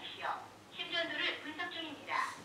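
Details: Korean-language AED voice prompt during CPR and defibrillator training, heard after power-on, pad placement (right side, below left armpit) and connector attachment. AED voice prompt.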